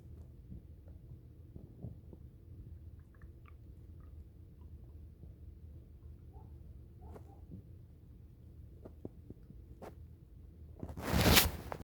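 Low rumbling and soft gurgles build to a louder growl near the end; ordinary stomach growling from gas and fluid moving through the gut.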